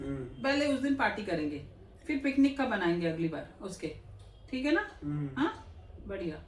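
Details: Adult woman speaking Hindi, with brief replies; ordinary conversational speech.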